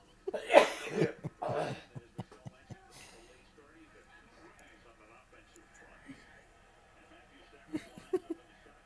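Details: Adult father sneezing on New Year's: two loud, explosive sneezes close together, captured from a fit of four sneezes, then a few soft clicks and quiet room noise.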